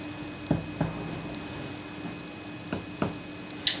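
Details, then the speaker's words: Four soft, hollow taps of finger percussion, striking the middle finger with wrist movement, over the lung apices, giving a normal resonant note. "for percussion you aim for the middle fings of your middle finger and you strike it like so and the movement comes from your wrist and not from your elbow"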